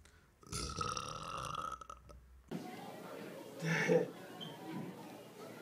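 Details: Long, loud, voiced burp lasting about two seconds, followed by softer talking and room noise; burping.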